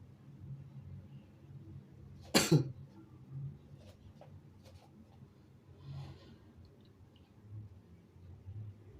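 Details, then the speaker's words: A shirtless adult, not a woman, announces an upcoming sneeze and then gives one loud, sharp sneeze, followed by quiet breathing and low room hum. "Let me see. I have to sneeze. Finally."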